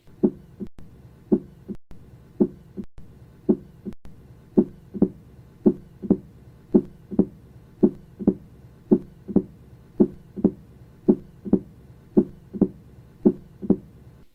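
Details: Mitral stenosis: loud first heart sound, opening snap and low-pitched rumbling diastolic murmur, best heard at the mitral area with the patient in the left lateral position.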